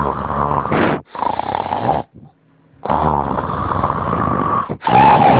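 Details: Loud, rattling snores on both breathing in and out from a sleeping dog, with brief pauses between breaths; ordinary snoring.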